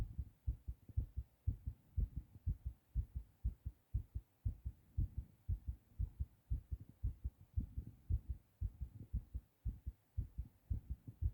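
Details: Adult male, recently sick, fast heartbeat recorded after a hard cough: rapid, strong low thumps at roughly 115–120 beats a minute, tachycardia.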